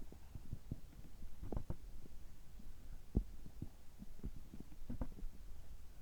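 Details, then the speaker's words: Abdominal sounds recorded right after a health-checkup gastroscopy, which found no problems: irregular low gurgles and soft thumps from the belly over a steady low hum; ordinary bowel sounds. "胃カメラ直後の、えお腹の音、胃の様子を聞いていただければ嬉しいです。"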